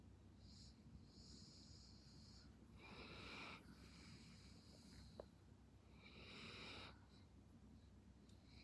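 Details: Snoring from a half-asleep Belgian Malinois dog: soft, hissing, snuffly breaths, some faintly rattly, over steady background noise; light snoring.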